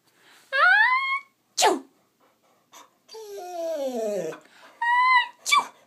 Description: English Setter dog (Maggie) mimics sneezes